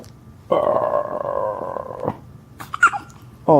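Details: Person who says they have the hiccups: one long, voiced, rumbling burp lasting over a second, then a brief gulp and the start of another; belching.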